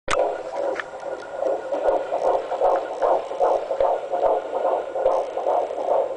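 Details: Rapid, regular whooshing pulses at about 150 a minute from a fetal heartbeat on hospital ultrasound; the fetus is lying head down and is said to be growing well, normal.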